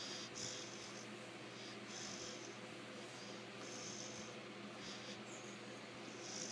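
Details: Five-month-old female American Bulldog napping in bed mid-afternoon, snoring loudly like an old man; snoring.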